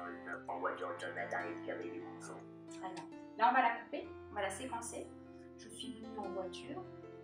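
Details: Electrolarynx speech by a laryngectomized patient, repeating a sentence slowly in short chunks for intelligibility.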